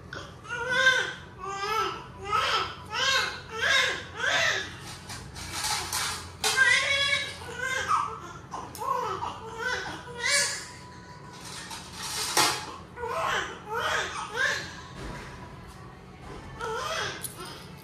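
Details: Newborn just after normal vaginal delivery at a lying-in clinic: repeated rhythmic crying bursts about one per second, with adult talk and background music; a vigorous newborn cry.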